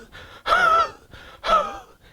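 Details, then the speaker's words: Two imitated coughs with a whistling, wheezy tone, the cough described as bringing out expectoration, with the wheeze relieved by expectoration: wheezy cough. "In iriodiction, you have a very wheezy type of a cough. So, and they bring out the expectoration."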